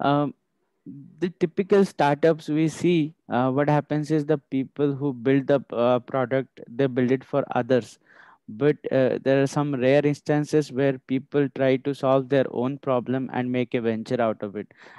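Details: Adult male speaker; Ordinary speech.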